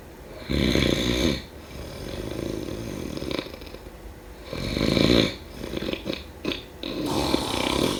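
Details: Loud, rough, rattling snores on each in-breath, with quieter breaths between; snoring during sleep.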